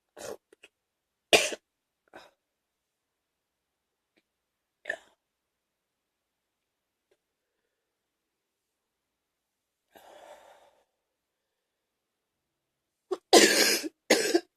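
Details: Wet productive morning cough: scattered harsh cough bursts with a gagging, moist quality, the loudest pair at the end.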